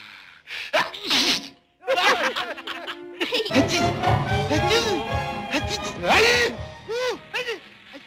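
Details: Cartoon character Sneezy from Snow White, not a real recording: exaggerated, repeated sneezes with sharp bursts, played as a joke, with music and voices behind.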